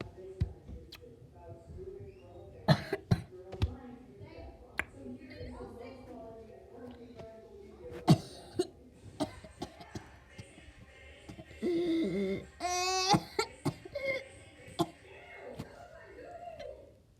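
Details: A person talking casually in a small room breaks off with a few short, sharp bursts of coughing.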